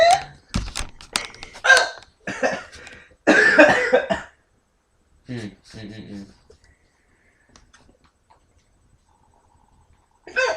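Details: Person with hiccups who says they feel like throwing up: several sharp, abrupt vocal catches with gasps and throat sounds, then quiet.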